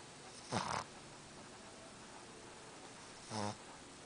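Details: Boston Terrier snoring: two short, buzzy snoring breaths about three seconds apart against quiet room noise; snoring.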